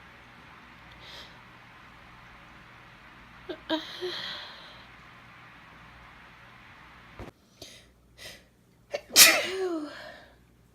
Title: Sneezing (F)